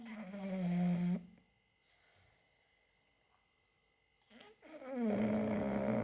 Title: English bulldogs snoring